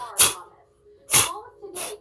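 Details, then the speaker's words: Child imitating his father's loud, elephant-like sneeze: three sharp, hissing sneeze-like bursts; an imitation, not a real sneeze. "he sounds like an elephant when he sneezes"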